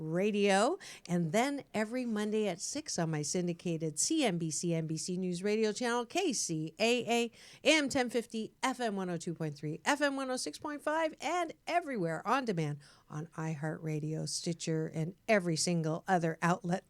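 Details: Adult woman; normal speech.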